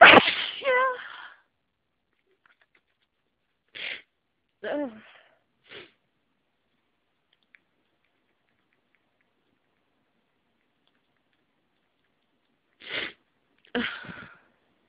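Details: Several sharp sneezes, some with a squeaky voiced tail, separated by quiet gaps; repeated sneezing from hay fever over the last few days.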